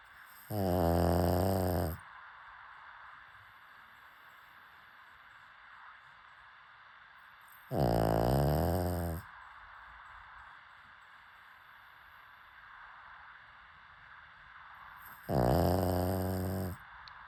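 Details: Pug snoring while asleep: three loud, rattling snores, about 8 a minute, with quiet between them.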